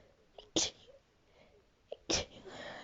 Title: sneezing fit and talking about kik